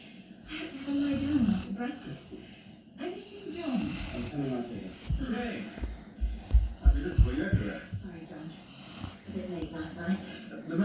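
Acted snoring in a radio drama: rumbling, snorting breaths with some voice-like sounds. Imitation snoring.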